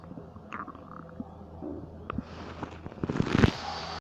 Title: Stomach Noises 3